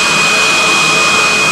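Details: Loud, steady high-pitched whine of a dental drill running continuously during a medium-sized filling done under hypnosis instead of anaesthetic.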